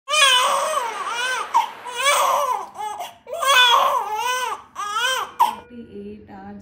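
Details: Loud, rhythmic, high-pitched wails with brief gasping pauses: the vigorous cry of a newborn son just after a hospital birth in Germany that followed hours of intense, continuous labour pain.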